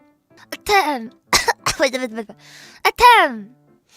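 Several short voiced coughs and throat-clearing sounds mixed with brief vocal sounds; soft background music.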